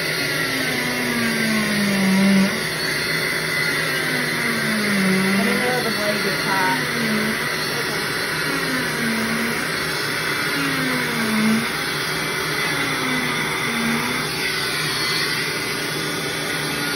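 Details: Oscillating cast saw cutting off a cast during cast removal: a continuous buzzing motor whine whose pitch shifts as the blade works.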